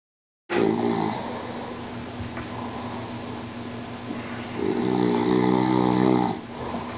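Deep, rumbling snores on two breaths in a row, with a steady drone between them; ordinary snoring.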